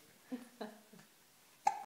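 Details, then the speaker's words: Keve, a 2-month-3-day-old infant playing with his mother's shirt, hiccups: three or four short, abrupt voiced catches in a quiet room. "Do you have the hiccups now? I guess so."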